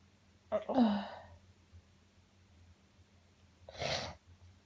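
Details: Uncontrollable sneezing fit: a voiced intake and burst, then a second sharp sneeze a few seconds later in a quiet room; repeated sneezing.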